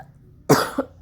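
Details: Cough from a woman who says she is unwell and her voice sounds affected, while she makes tea in her kitchen.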